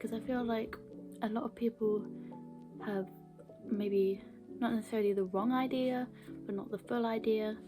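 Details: Stammering in a woman whose stammer began around age 11 or 12, with blocks and repetitions; she has had therapy but says it has no cure; stammering (stuttering)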